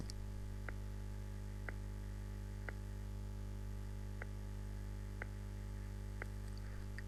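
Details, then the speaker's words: Heart sounds with one crisp sound per beat at about 60 a minute, clearly the second heart sound; the first heart sound is weak or inaudible: soft, muffled first heart sound. "مسموع بوضوح ده هو السكند، الفيرست تقريبا ويك او مش مسموع."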